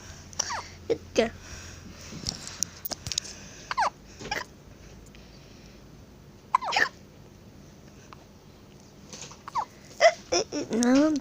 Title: Lil sis has hiccups